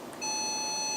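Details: Veterinary diode laser (DL-15AB) with physical-medicine therapy handpiece, continuous mode set to 15: a steady high-pitched tone starts abruptly and continues; the laser's warning beep while firing.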